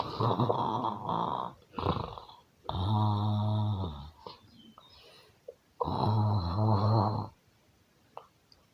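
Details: Snoring: loud, deep, vibrating snores in long drawn breaths with short pauses, about 19 a minute, in a small room.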